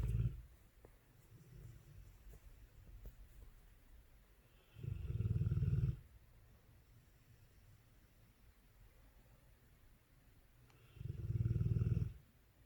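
Deep, rumbling snores about six seconds apart, roughly ten breaths a minute, from a sleeping large dog; loud snoring.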